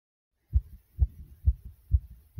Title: Pounding Heartbeat Strong